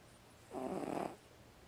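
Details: Housecat, possibly not fully asleep with one eye not quite shut; owner unsure it is really snoring: one short, low, fluttering breath sound in a quiet room; snoring.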